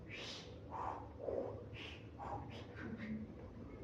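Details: Lecturer vocally imitates a heart murmur in a Spanish lecture on valvular stenosis: a repeating heartbeat rhythm of soft thumps alternating with a blowing hiss.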